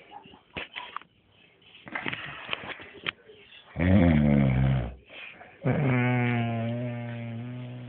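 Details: After quiet rustling and clicks, two loud, low, buzzing snores; the second is long and steadily vibrating. Snoring.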